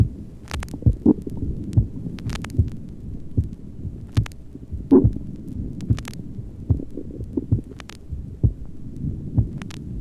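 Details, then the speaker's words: Normal heart sounds from a healthy 23-year-old male with no heart disease, recorded at the apex in a 1955 recording: a steady, regular beat near 72 a minute, with bowel sounds audible because he is hungry late in the afternoon. "for comparison a heart sound tracing is taken from a normal 23 year old male who has no history of heart disease and is perfectly well"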